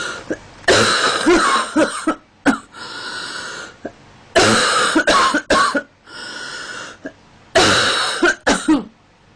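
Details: Girl with a stuffy, itchy nose in cold weather: three bursts of loud, harsh, dry-sounding coughing with throat clearing between them; a repeated cough.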